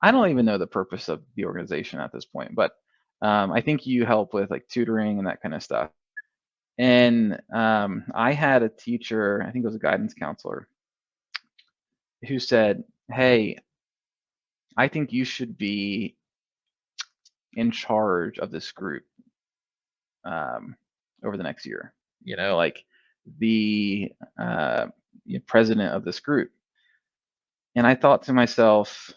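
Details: Adult male who has stuttered since early childhood, first noticed in first grade, now in the MPI2 therapy program; repeated part-words and whole words heard: stuttering.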